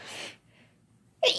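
A sharp sneeze, a short quiet gap, then the start of another sneeze; ordinary sneezing.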